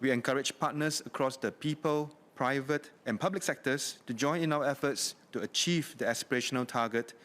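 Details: Adult man speaking; normal voice.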